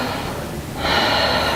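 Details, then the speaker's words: Chest auscultation demonstration on a volunteer breathing through an open mouth: normal breath sounds. "okay so all I'm hearing is just normal sounds"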